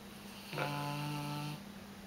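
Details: Tibetan Mastiff dog asleep, snoring very loudly: a single drawn-out, steady humming snore lasting about a second; snoring.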